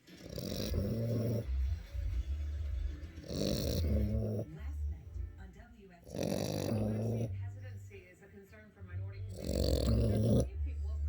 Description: snoring boxer puppy